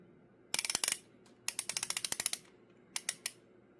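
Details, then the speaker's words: Mounjaro KwikPen (UK version) on a real patient: rapid bursts of sharp ratchet clicks as the dose dial is twisted all the way round. "primam it the first click make sure you get a couple of drops out and twist it all the way"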